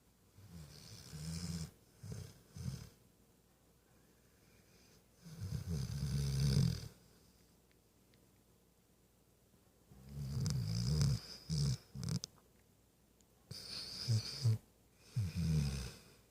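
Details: Sleeping puppy snoring: low rumbling snores in bursts with quiet pauses between.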